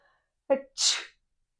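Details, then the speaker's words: Sneeze demonstrated during a pelvic floor exercise lesson on reducing leakage, leaning up and bracing with a Kegel as air is expelled: a short voiced intake then one explosive, hissing burst of air. "so you're going to lean up you're going to inhale as you feel a sneeze coming"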